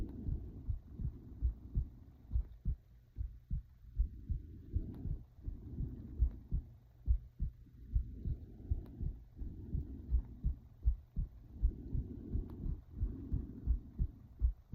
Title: my heart beating (with breathing and stomach noises)